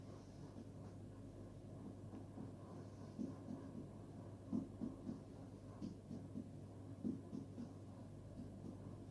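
A series of soft finger-percussion taps over a steady low hum, moving from a hollow tympanic note to a duller one at the lower liver edge.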